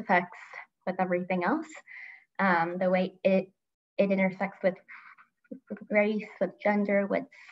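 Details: Adult woman who stutters and grew up as a covert stutterer, with part-word repetition; stuttering.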